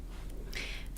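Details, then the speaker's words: Snoring of a sleeping female dog in the background: a single rough, snorting breath over low room rumble. "I'm sorry if you can hear my dog snoring in the background forgive me she's really going to town right now"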